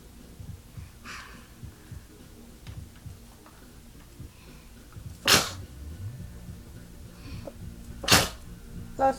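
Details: Two sharp sneezes about three seconds apart, plus a smaller third, over quiet room noise, during a book reading; ordinary sneezing.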